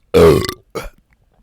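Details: Adult man deliberately burping for ASMR in a closet, after drinking an energy drink earlier that day: a loud, drawn-out voiced burp followed by a shorter one; ordinary belch.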